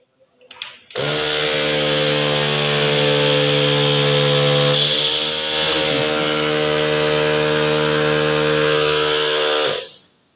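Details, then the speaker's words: Prototype AI-driven adaptive ventilator with oxygen concentrator, compressor switched on via relay: loud steady mechanical hum and buzz starting abruptly and running about nine seconds; oxygen concentrator compressor running. "so let me start the working process over here this is a relay which is going on Switching now if I switch on the compressor"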